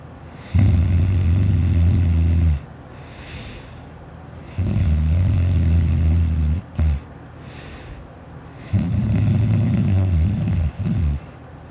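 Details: Child asleep: three long, loud, low rumbling snores about four seconds apart, roughly 15 breaths a minute, quieter breathing between; steady snoring in childhood.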